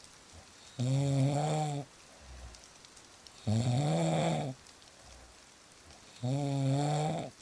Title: • Fall Asleep Fast With Real Snoring Sounds